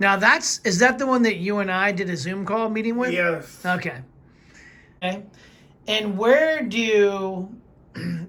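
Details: Adult speaker (interviewer); typical speech.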